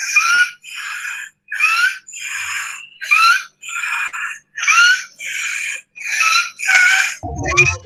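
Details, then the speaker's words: Laryngeal stridor: loud, high-pitched noise coming from the mouth, audible without a stethoscope, resembling a wheeze, presented in a pediatric bronchiolitis class on infant laryngeal anatomy. "Suena como a sibilancia. Bueno, pero ¿sabes cuál es la diferencia? Que esto no estás auscultando, no necesitas estetoscopio. Y es alto, es un ruido que sale por la boca, ¿sí?"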